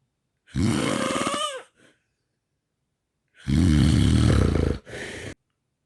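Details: Snoring with sleep apnea, from a compilation of 4 nights: loud, harsh rattling snores in bursts separated by a long silent gap.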